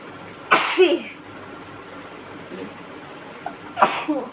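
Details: Sisters' sneezing fit induced with chikni powder: two sharp, explosive sneezes with quieter breaths between, over faint room noise and distant voices; sneezing.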